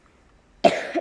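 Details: Son aged about 9 coughs in the background during a Chinese story reading, with train sound.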